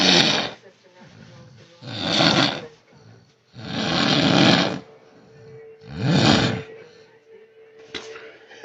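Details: Male snoring: loud, rough, rattling snores recur about every two seconds, four in a row, with quiet gaps between.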